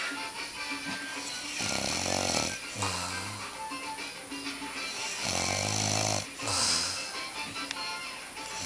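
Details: Adult man (father) snoring: loud rumbling inhaled snores about 16 per minute, with music playing in the background.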